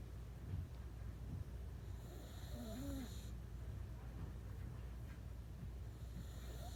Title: Boston Terrier Snoring